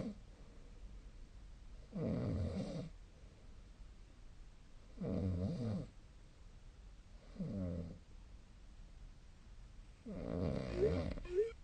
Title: 🐽 本日のイビキ / Snoring Sleep Sound 2025/02/17